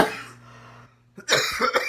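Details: An adult coughing during an illness: a fading cough, a brief pause, then a harsh burst of coughing.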